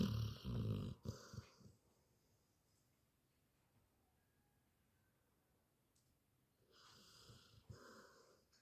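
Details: Labrador dog snoring during a daytime sleep: rough snoring breath sounds at the start and near the end, with a long quiet gap between.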